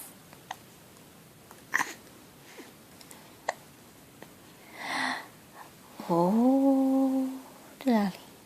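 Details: Little boy with hiccups: sharp, isolated gulping clicks every second or two, then his humming voice.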